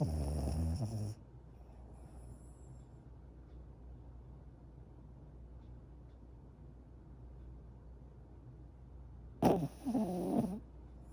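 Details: Rescue puppy in deep sleep, dreaming: soft, low, irregular rumbling breaths with a couple of louder stirring sounds; light snoring.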